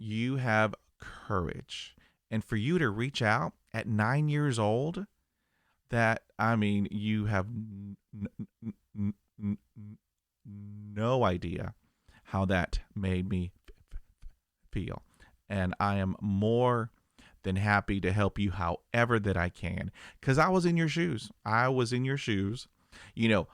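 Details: 50-year-old man who has stuttered for 45 years and had 20 years of speech therapy; blocks with eyes closing and arm movements while pushing through; stuttering.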